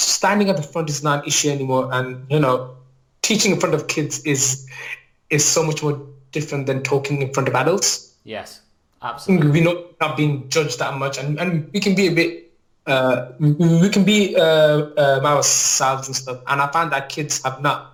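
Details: Adult male teacher, real, with a lifelong stammer since childhood that he describes as neurological, mainly blocking type on words and sounds, worse when nervous; finding: stuttering (stammer).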